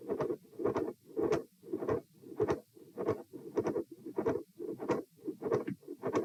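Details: Repeat heart auscultation stress test at chest position E: midsystolic click and murmur with a fixed split S2, recorded across lying, sitting, standing and lying again, with heart rates 84, 96, 114 and 78 bpm.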